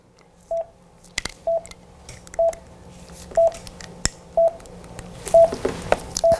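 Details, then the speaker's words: Portable cardiac monitor QRS beeps from a live patient in sinus rhythm, monitored in lead II during an emergency-service (SAMU) equipment demonstration before defibrillator pads are attached for pacing. "Nós ligamos a gente tem um paciente vivo aqui com o ritmo sinusal monitorado a gente pode perceber o traçado beleza"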